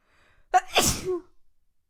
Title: 🤧 SNEEZE COMPILATION